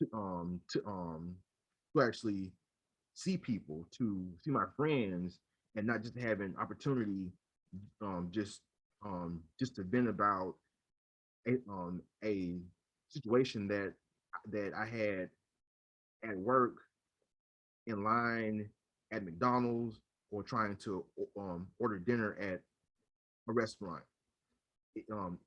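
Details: Adult man who has stuttered since childhood and accepted it as permanent around age 30, speaking in a podcast interview; stuttering.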